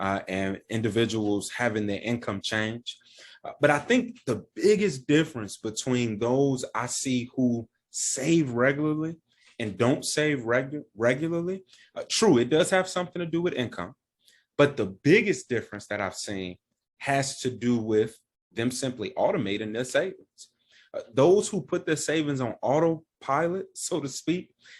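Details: Adult male speaker; normal speech.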